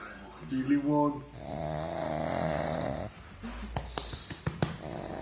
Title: Храпящий мопсик